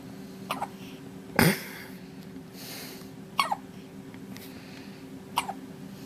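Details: Baby hiccups: sharp, sudden little gulping catches repeating every couple of seconds, about 30 a minute, in a quiet room. Hiccups.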